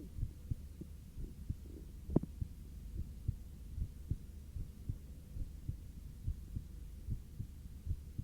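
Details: Normal heart sounds recorded while lying on the back and breathing normally: steady, soft, regular low thumps with a low hum and one brief background knock.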